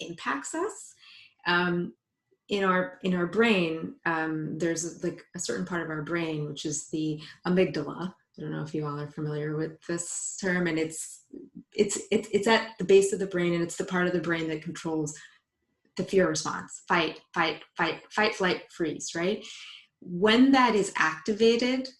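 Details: Woman, a psychologist, who identifies herself as a person who stutters, speaking spontaneously in English on a live panel. Stuttering.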